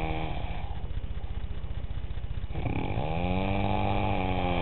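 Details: Heavy snoring likened to a weedwacker: loud, buzzy, rattling snore with a low vibrating drone through the breaths, like a small engine.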